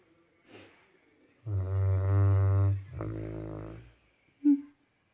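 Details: Labrador that snores a lot, snoring while asleep: a loud, low, buzzing snore on an inhaled breath, then a softer second snore and a brief snort.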